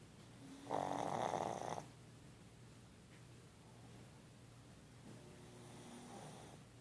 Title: Tiger snoring